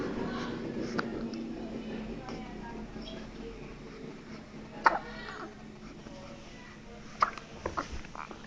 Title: baby is having hiccups